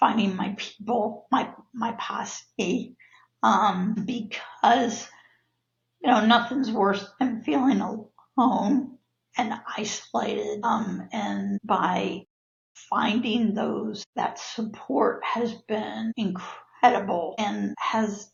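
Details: Adult woman with neurological spasmodic dysphonia of no known cause, with abductor and adductor features that worsen with stress; breathy breaks and cut-off vowels; spasmodic dysphonia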